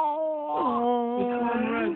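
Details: Infant whose face turns from white to red while crying: sustained, strong, wailing cry with a clear tone that drops in pitch partway through.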